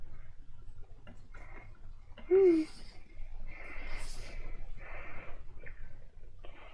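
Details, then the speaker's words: Daughter with a medical condition, sitting beside her father, breathing noisily and irregularly, which is described as normal for her; uneven breaths with rough huffs and a brief high squeak, rising and falling. "as you can hear her breathing is like normal it goes up and down all the time"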